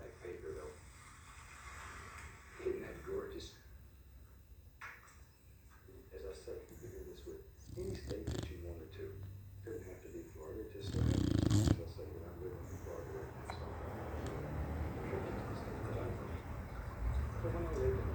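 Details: Sleeping dog snoring: low, rumbling, repeated snorts and snores over a noisy room with voices in the background.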